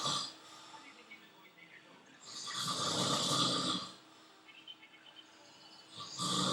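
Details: Male hospital roommate in a French hospital snoring heavily: loud, harsh, rasping snore swelling on each in-breath, with quieter breathing between, against room noise.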